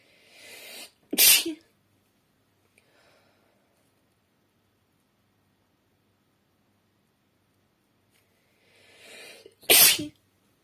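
Two separate sneezes, each a quick indrawn breath followed by a sharp explosive burst, with silence between.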